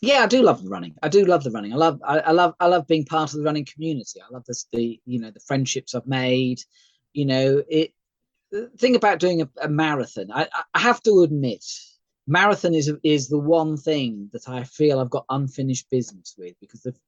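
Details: Mild aphasia in an adult male stroke survivor after a thalamic stroke, with type 2 diabetes and partial sight; occasional word-finding hesitations, recorded on a good day.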